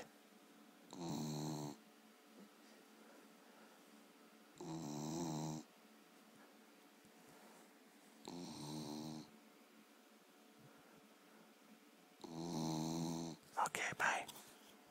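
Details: Dog snoring after a long hike, very tired; four loud, buzzing snores, one on each breath in, about every three and a half seconds.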